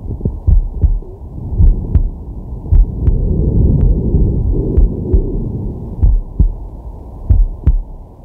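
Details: Resting man's heart heard through a digital stethoscope on his chest: paired lub-dub beats at about 56 a minute with soft whooshing breaths between, normal heart sounds.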